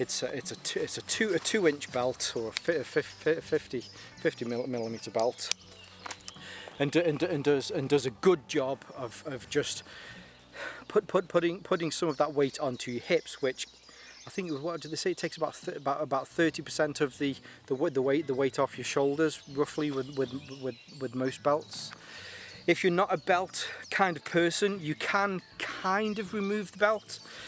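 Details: Adult male with a lingering stammer he links to his anxiety, improving; he finds talking on camera makes it easier; stuttering.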